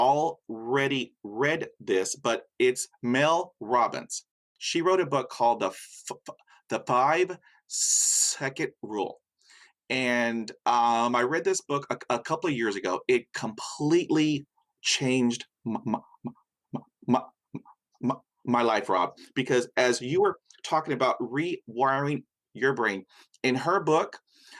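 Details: Man with persistent stutter acquired at age five after a dog attack, severe and still present; a broken word is heard; stuttering.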